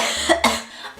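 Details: A girl who suddenly became really sick with an acute illness coughs: a single sharp, harsh cough burst with a quick second push.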